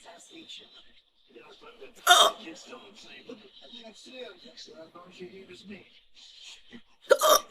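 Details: Hiccups in a woman after eating over half a birthday cake, from an old mp3 recording: soft talking broken by two sudden, sharp, involuntary gulping bursts about five seconds apart.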